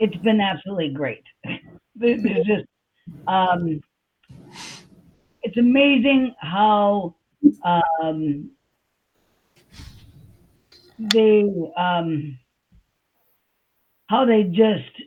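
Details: Adult woman with aphasia after a stroke on July 6, 2021, showing word-finding pauses and repeated fillers. Aphasia (word-finding difficulty).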